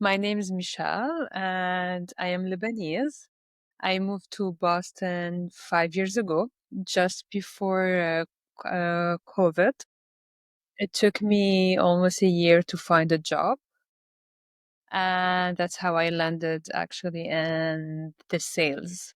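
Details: Stuttering in an adult Lebanese woman who speaks three languages.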